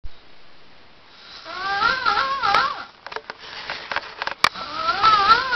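Long, high, wavering whistling breaths with a snuffly pause between them; a whistling snore.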